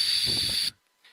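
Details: Paced breathing exercise for emotion regulation (DBT TIPP skill), target about six breaths per minute: slow pursed-lip exhalation.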